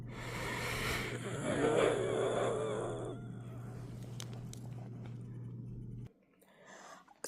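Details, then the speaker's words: Adult with lupus and a broken back; urgent care doctor thinks it is pneumonia (no swab done). Harsh, strained coughing bout of about three seconds over a low background hum: cough with suspected pneumonia. "So yeah, that's what it sounds like. Yeah, again, I don't want to try to trigger right now because for some reason it's clear. I went to urgent care. They did not do any sort of swab, and he said that he thinks I have pneumonia."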